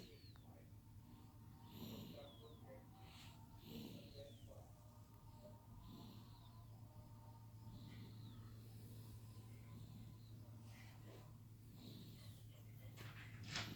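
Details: 3.5-month-old infant asleep, soft repeated snuffly breathing noises in time with breaths over a steady low hum; light infant snoring.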